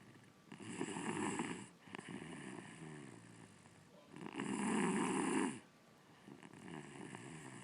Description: My 6 year old daughter snoring. It was loud in person.